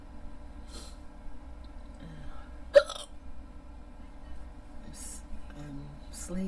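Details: Person trying to fall asleep with hiccups on and off: a single sharp hiccup over low background hum with faint soft sounds around it; hiccups.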